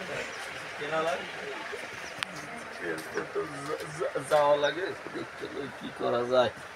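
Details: Adult male speaker, acted comedy sketch; stuttering (acted).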